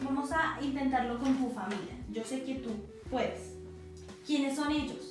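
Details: Adult female examiner, acted teaching scene; Normal speech.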